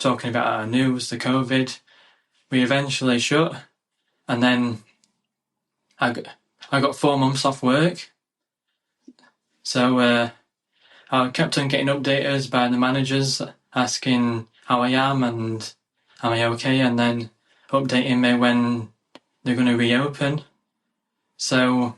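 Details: 27-year-old UK man with a lifelong stammer (stuttering) involving blocks, speech therapy in childhood, improved as his confidence grew; real adult stammering.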